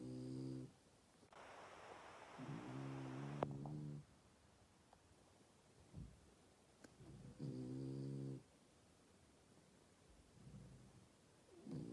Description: My frenchie snoring his head of he’s so loud 😂😂😂